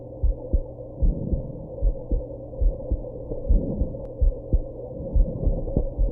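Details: Heartbeat after drinking alcohol and smoking, with hiccups: deep, steady thumping at roughly 80 to 90 a minute over a low hum, with occasional irregular thuds that may be hiccups; heartbeat.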